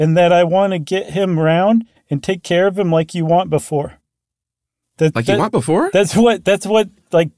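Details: Acted example, not a patient: a host reads an NIH sample sentence of fluent but meaningless speech in Wernicke's (receptive) aphasia, a comprehension-area injury usually after stroke. Wernicke's aphasia (imitated).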